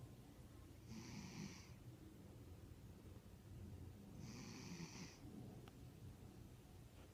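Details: Sleeping cat napping loudly: two rough, rattling snores on in-breaths about three seconds apart over a low steady rumble; snoring.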